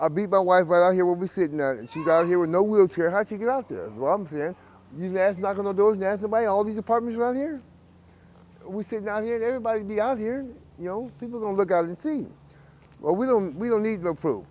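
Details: Adult man speaking; typical speech.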